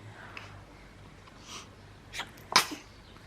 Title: Baby Sneeze | Baby Smile | Newborn Sneezes while Burping | Cute Baby Moments #newborn #babyboy